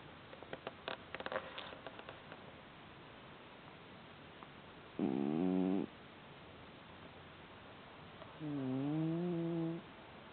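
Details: Snoring from Hamburger, a sleeping cat: two drawn-out, tonal, humming breaths a few seconds apart with faint rustling; owner wonders whether the airway has a problem.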